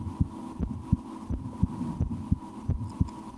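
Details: Relaxing ASMR heartbeat recorded through a stethoscope on own chest after lunch: regular low thumping about 85 beats a minute with steady background hum, at times sped up; normal heart sounds.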